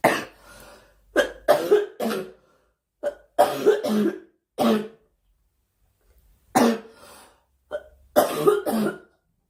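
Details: A young woman coughing during a Korean livestream, saying she has a cough and wishing it would stop: repeated bouts of harsh coughing, about a dozen coughs in short clusters separated by pauses.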